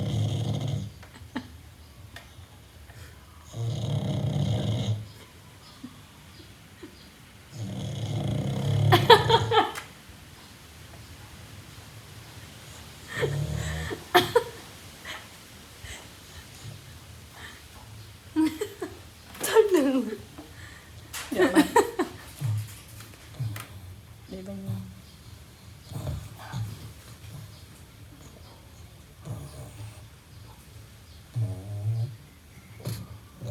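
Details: Snoring from a sleeping pug: loud, low rumbling bursts, with snorts and sniffles between breaths.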